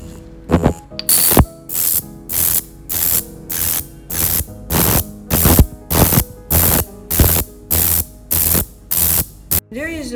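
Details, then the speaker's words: Ultrasonic cavitation handle (80K) of a body-sculpting machine running an intensity test: rapid rhythmic hissing, buzzing pulses about 100 a minute. "let's move to this cavitation handle we have ATK for this one but we also have 40 K and you can see this is the interface and now we will test the cavitation intensity right now"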